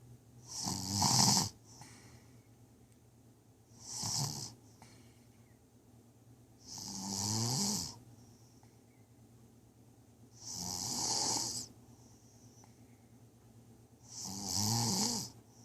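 Five long, rattling snores on inhaled breaths, about 17 a minute, with quiet pauses between: ordinary snoring.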